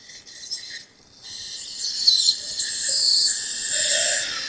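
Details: High-pitched grinding, rasping whine that rises and falls as a surgical drill cuts bone during live endoscopic sinus surgery.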